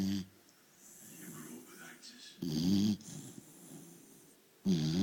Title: Dog snoring